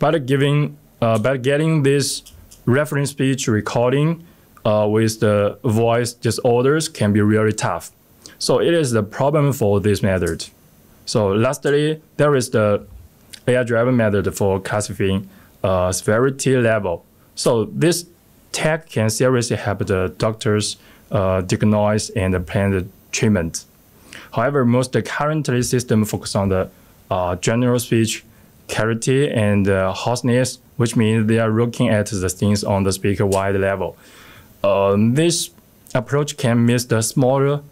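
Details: Adult male speaker; ordinary speech.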